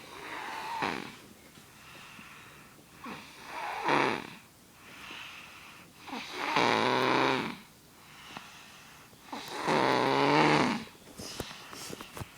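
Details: Little brother snoring loudly while asleep: rough rattling snores on each breath, about four cycles with quieter breaths between.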